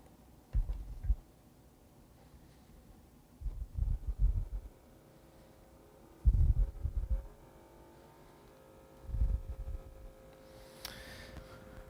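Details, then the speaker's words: Automatic blood pressure cuff inflating on an adult man's arm, pulse checked regular beforehand: low thudding pump bursts, then a faint rising motor tone; reading 128/75. "so I'm just gonna put this cuff on just let your arm relax the best you can okay so it's going to tighten and then gradually loosen"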